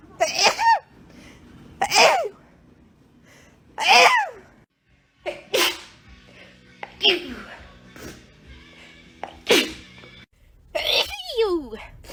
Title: sneezing compilation 5